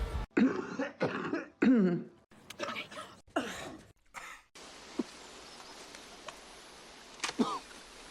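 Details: Acted movie coughs from a supercut of film coughs and sneezes: several short harsh coughs and throat clears with room noise behind them; cough.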